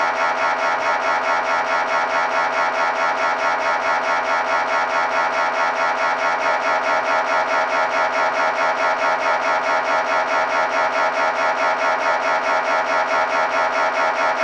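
Loud, steady, rapid buzzing pulses at about 140 a minute, the typical knocking drone of an MRI scanner running.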